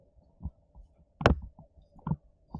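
Soft low thumps heard through a stethoscope, one much louder than the rest, against a faint steady hum; heartbeat sounds.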